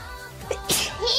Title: Sneezes 626-632 (Quadruple Sneeze)